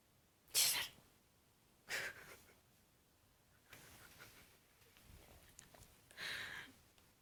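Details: Little Yorkie dog: several sharp, hissy nasal bursts, three strong ones over about seven seconds, repeated small-dog sneezes.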